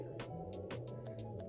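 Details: Home fetal Doppler on the mother's gel-covered abdomen at 13 weeks 3 days pregnant: rhythmic whooshing pulses over a steady electronic hum, the mother's own heartbeat (read around 94–101) before the baby's is found.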